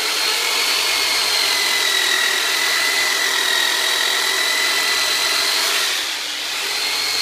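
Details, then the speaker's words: Powered soft-tissue and fascial release instrument ("turbonator") used during chiropractic care on a large adult man with low back problems, who is told to take deep breaths: a steady high-pitched motor whine with a fast buzzing pulse. "now Robert's pretty good size guy so I'm going to pull out the turbo nator on him so Robert just going to sound like I'm sing you in half but I'm not so take some deep breath"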